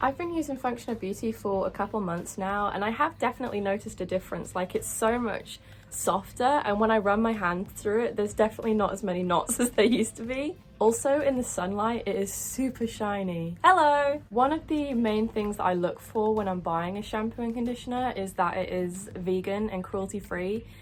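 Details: Vocal tic "hello" interjected into speech by a speaker with Tourette syndrome.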